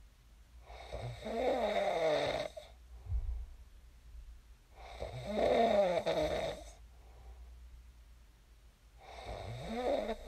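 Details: Real recording of a person snoring in their sleep, shared as snoring ASMR: three loud, rattling inspiratory snores, about 15 a minute, with quiet pauses between; ordinary sleep snoring.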